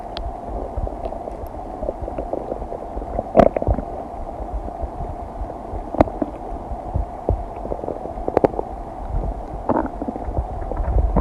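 Low steady rumbling with scattered gurgles and clicks from the abdomen, typical of normal digestion.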